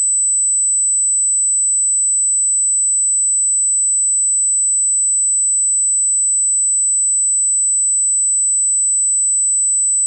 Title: 8kHz Tinnitus Ringing Sound - 8000Hz Pure Tone, Sine Wave